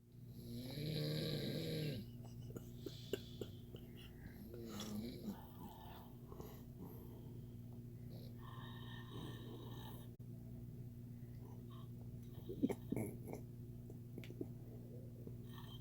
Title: Snoring competition